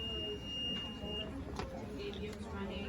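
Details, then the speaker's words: A steady electronic tone, then a short chirp as a nursing student switches on an infusion pump in a skills demonstration of setting up a morphine PCA infusion; IV infusion pump power-on tone. "I'm just going to turn it on here."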